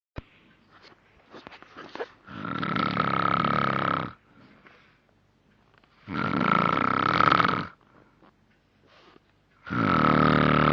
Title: vile snoring